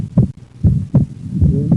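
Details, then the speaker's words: Wide splitting of the second heart sound in right bundle branch block, heard across alternating inspiration and expiration. "Split second heart sound in right bundle branch block in"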